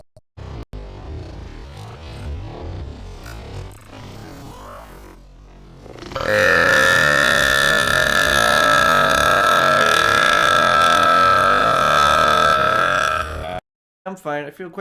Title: Twitch burp compilation